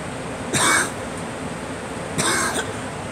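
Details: Cough blamed by the person on pollen: two short, harsh, dry coughs against low outdoor background noise; nose also bothering them.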